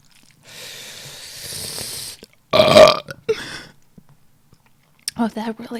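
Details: A woman gives a long, loud belch, then a short second one and brief speech; a burp bringing up swallowed air.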